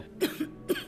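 Two brief, light coughs from an adult woman, acted for a film scene.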